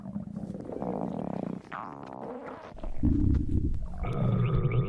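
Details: Random stomach growling: low, irregular gurgling and rumbling with drawn-out groaning tones; ordinary borborygmi.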